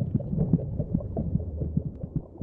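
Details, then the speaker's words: Heartbeats as heard by a fetus inside the womb: dull, muffled, overlapping thuds, the fetal heart beating about twice as fast as the mother's. "she can also hear the competing thud of heartbeats, her own racing at twice the speed of her mother's, both her constant companions during her time in the womb."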